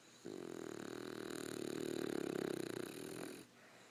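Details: A sleeping dog snoring: one long, rattling, buzzy breath lasting about three seconds.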